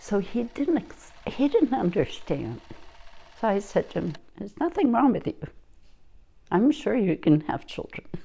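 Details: Adult woman speaking; typical speech.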